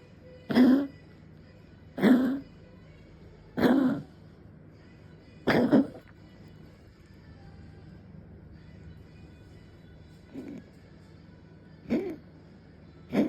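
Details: Cat coughing up a hairball: a series of harsh, dry hacking, retching coughs.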